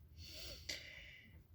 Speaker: so if you hear that snoring it is my pug puppy and i apologize she's not normally in my room when i read but my voice puts her to sleep